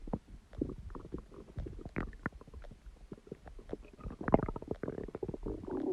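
Irregular gurgles, pops and low rumbles from the belly; ordinary stomach growling from moving gas and fluid.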